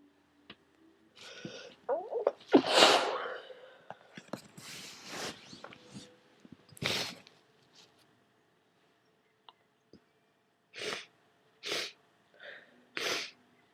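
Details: About six wet, spluttering sneezes with short pauses between them, from a person with a cold who had taken a decongestant; wet cold sneezes.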